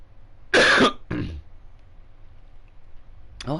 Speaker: I hate this cough